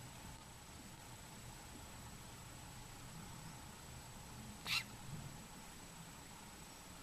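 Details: Baby tortoise sneezing, found to be healthy: quiet room, then a short, sharp, hissing puff, a tiny sneeze.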